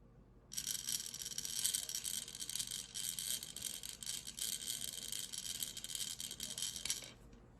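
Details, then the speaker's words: Demonstration of incentive spirometer use: after a full exhale, one slow, sustained inhalation through the mouthpiece, a steady airy hiss and rattle lasting about six seconds, reaching around 1500. "We're going to put it in, and then we're going to go slowly as long as we can. So that's what you want to encourage them to do, is to go as high as they can."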